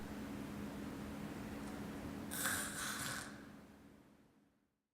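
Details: Agonal gasping: difficult gasping breaths, a sign of cardiac arrest.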